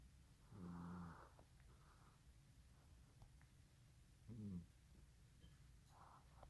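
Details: Russian Blue cat sleeping in an awkward position, snoring: two soft, buzzy snores a few seconds apart over quiet room noise; snoring.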